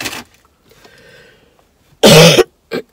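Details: A brief harsh cough, then a second short burst, with quiet room noise between; cough from a 38-year-old woman sick for several days with a common cold.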